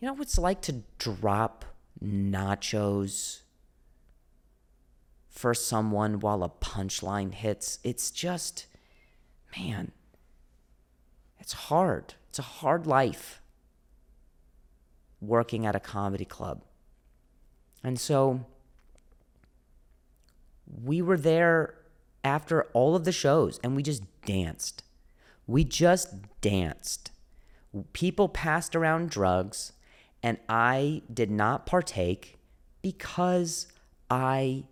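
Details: Stuttering in an adult male comedian with a stutter, described as a speech impediment; audible repetitions are present.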